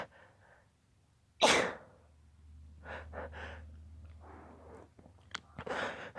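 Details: Suppressed sneeze.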